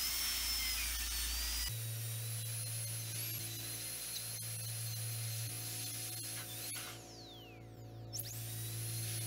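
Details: Steady high-pitched dental drill whine with low motor hum, pitch dipping briefly under load while cutting a replica carious front tooth on a dental manikin for a composite filling.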